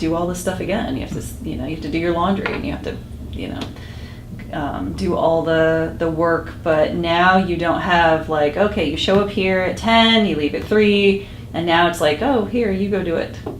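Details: Adult woman speaking; no disorder.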